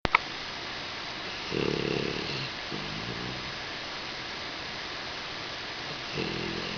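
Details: 4-month-old Husky, described as very nasal, asleep snuggled against a swivel chair leg: two or three low rumbling snores over steady room hiss, with a short knock at the start; dog snoring.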